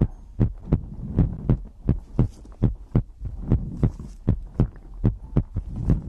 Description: In this video, I compile my heartbeat asmr for 1 hour to help you sleep.